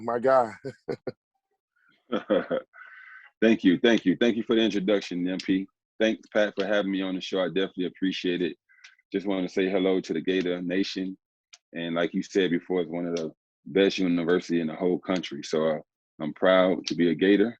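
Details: Adult male speaker; normal speech.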